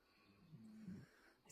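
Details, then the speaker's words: Sleeping pit bull dog snoring: a brief low rumbling snore, rough and buzzing on the in-breath. "clearly not getting up like a traction engine"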